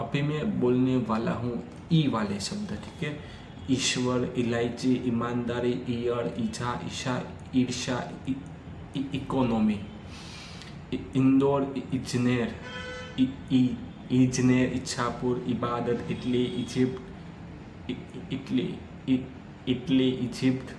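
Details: Stammering in an adult man on day 3 of a daily fluency practice routine, counting backwards from 200 in sets of ten on one breath; he reports stammering especially on vowel-initial words and fa, pra, ja, na sounds.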